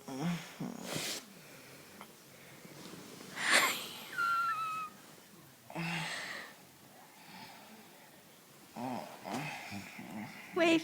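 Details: Husband asleep, exhausted after a race: noisy breathing sounds, one with a thin whistling tone, with quiet gaps between breaths; snoring.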